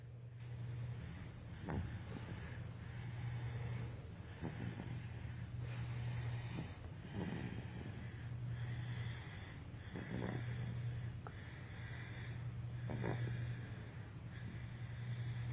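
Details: Irregular snorting snores about 22 a minute over a steady low hum, with rough vibrating breaths during sleep.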